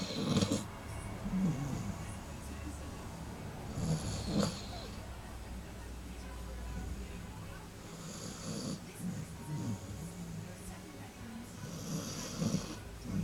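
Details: A sleeping puppy gives low, rough, rhythmic snoring breaths, loud enough to be heard from another room, with some room sounds in the background; snoring.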